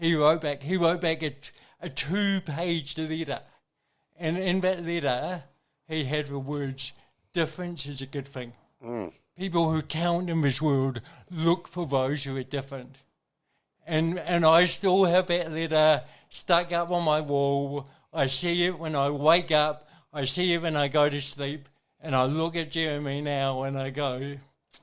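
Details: Adult man with cerebral palsy from birth, caused by oxygen loss to the brain during delivery; he says his thinking and articulation are intact; dysarthria (cerebral palsy).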